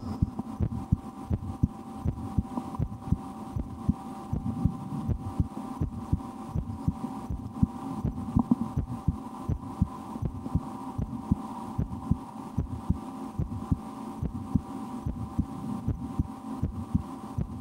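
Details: Own heartbeat recorded through a stethoscope for relaxation, sometimes holding breath or trying to raise the rate, with a loudly digesting stomach after lunch: repeated low thumps with constant background hum; normal heart sounds.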